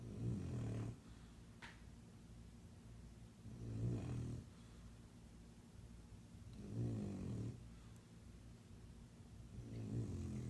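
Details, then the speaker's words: Male sleeper with low, rumbling snores about every three seconds, four in all, quiet pauses between; steady snoring during sleep. "хватит храпеть. посмотри на меня."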